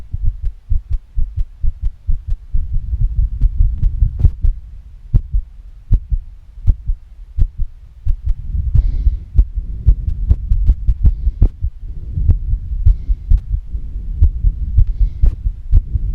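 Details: Fast female heartbeat: rapid, regular thumps with swells of heavy, noisy breathing underneath.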